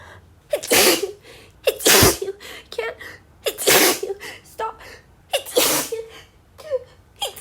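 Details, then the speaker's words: Staged re-enactment of a female speaker warning she'll sneeze, then an uncontrollable sneezing fit: four loud, forceful sneezes in quick succession, each preceded by a short catching inhale; repeated sneezing. "Sorry, just a bit of a warning. I think I'm going to sneeze. Yeah, I'm going to sneeze."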